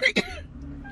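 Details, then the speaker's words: Two quick, harsh cough bursts from an adult woman with cystic fibrosis, coughing in public outdoors, with quiet outdoor background. "I'm sincerely curious what people think. Mm hmm. [coughing]"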